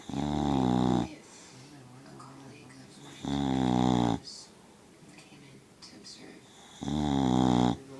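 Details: A sleeping dog snoring like an old man: three loud, buzzing, vibrating snores on the in-breath with quiet out-breaths between, about 22 breaths a minute.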